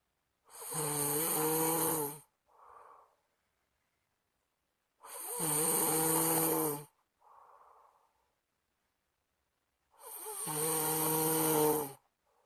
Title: Suara ngorok termerdu